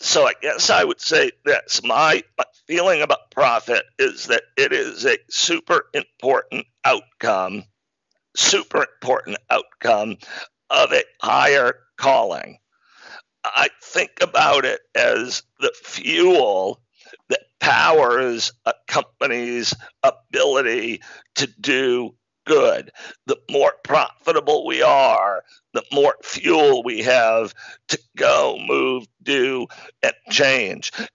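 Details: Adult man with spasmodic dysphonia, a rare neurological speaking disorder causing partial voice loss, with onset around 2010 and diagnosis in 2012; much improved over a decade but still present; spasmodic dysphonia.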